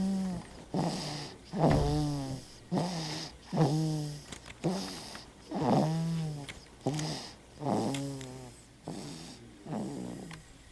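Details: Rhythmic, throaty, slightly musical snoring about 30 times a minute from a sleeping baby in a quiet small room: snoring.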